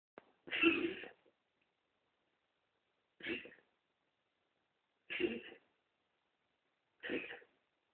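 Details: Morning cough.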